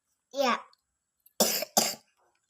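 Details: Child with a cough and cold reciting Quran memorisation: a short bit of speech, then two sharp wet-sounding coughs in quick succession in a quiet room.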